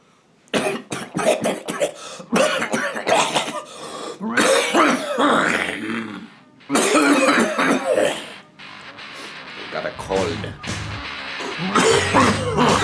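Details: An adult filming a comedy video has a coughing attack and can't stop, coughing in repeated rapid clusters of harsh bursts, with music in the background.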